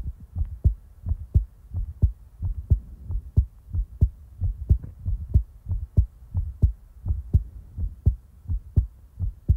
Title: Heartbeat ASMR ♡ (Relaxing, Peaceful, & In-real time) ☁️